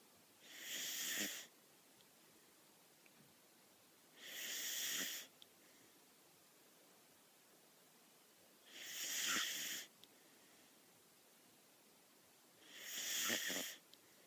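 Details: Sleeping whippet puppy snoring: four soft, hissing breath sounds about 15 a minute, with quiet pauses between.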